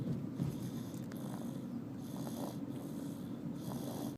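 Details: Child snoring during sleep, 'just like daddy': continuous low, rough rumbling with faint breath surges over steady background noise; snoring.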